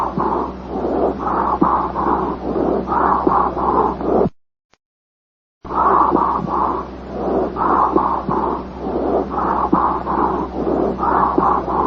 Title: Breath Sounds